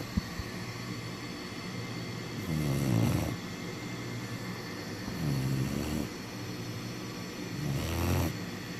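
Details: Sleeping black Labrador puppy at bedtime: three low, buzzing snores at a slow pace over steady background hum, likened to a grown man snoring; puppy snoring.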